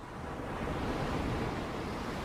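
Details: Ocean-wave nature sound from a hearing aid's tinnitus sound-enrichment feature (one of six sea/water options): steady rolling surf noise used to mask ringing in the ears.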